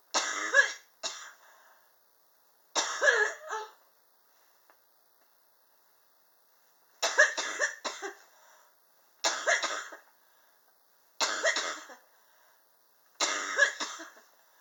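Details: An adult's prolonged cough, said to be triggered by extreme indoor temperatures: about six harsh bouts over fifteen seconds, some with two coughs each.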